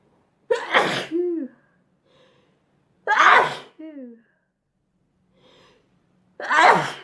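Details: Three forceful sneezes, each followed by a short sighing exhale with quiet breaths between, from a sneezing compilation; ordinary sneezing.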